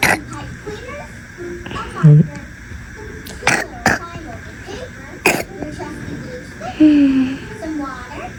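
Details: A girl with a pneumonia-related wet, productive cough and a phlegm-filled throat gives about four short, weak coughs, with throat-clearing and soft voiced sounds between them.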